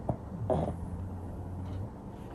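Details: Sleeping pug napping and twitching: a brief snort followed by low, steady rumbling breath; snoring.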